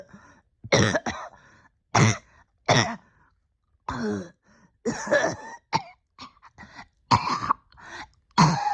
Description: I got pretty sick at the end of the year and have been struggling every day of 2024 to get my breathing back right. I won’t go into graphics but it has been a year and I’m scared this could be my new normal.